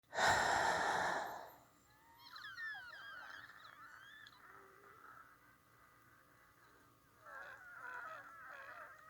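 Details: Wheezing with influenza A: a loud breath followed by high, squeaky whistling tones during breathing.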